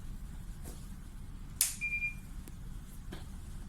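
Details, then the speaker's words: TOP Infusion Pump 2300 demo: a click, then a brief electronic beep as power is switched from mains AC to the built-in battery while the pump keeps running with a blinking green light; an infusion pump power-switch alarm. "can see you can hear the sound the pump's still running green light says blink but the sound is alarmed to to let the nurse know the pump source is from the main now switch to the built-in battery"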